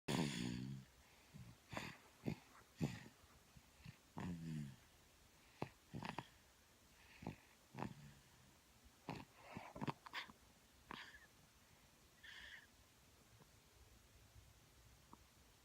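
Quiet, irregular snorting and whistling breaths from a sleeping animal, with short nasal squeaks; snoring.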